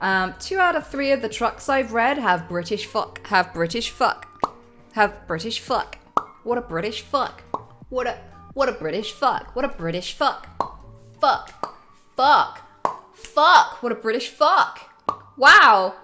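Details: Woman with Tourette's who says she cannot help swearing and saying offensive things in public, blurting involuntary phrases and swear words mid-speech; vocal tics with coprolalia (Tourette syndrome).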